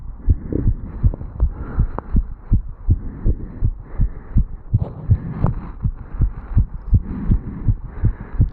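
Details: 35-year-old male just after jogging up stairs, heart recorded at the mitral valve area: rapid, regular, strong heartbeats about 160 a minute, some running noise; tachycardia after exercise.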